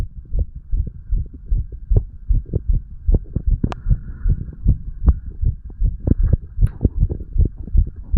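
Rapid low thumps, roughly 75–80 beats a minute heard as paired sounds, with faint background hum: an adult heartbeat.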